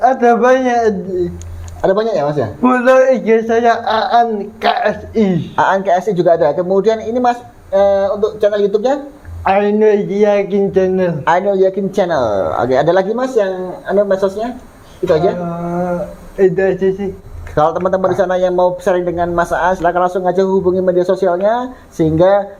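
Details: Adult speaker (podcast host); typical speech.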